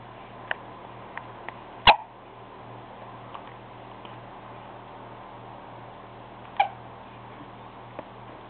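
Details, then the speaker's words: Lauren with hiccups: two sharp, isolated hiccup bursts with a few softer clicks between, over steady room hum. "Uh-oh, someone has the hiccup. It's not me."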